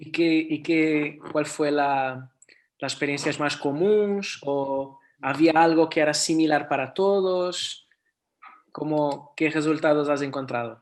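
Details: Adult male speaker; no speech disorder.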